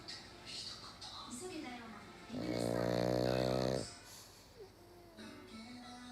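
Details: Black pug dog sleeping deeply and snoring: one loud, rattling snore over a second with soft breathing, faint music and household sounds around it.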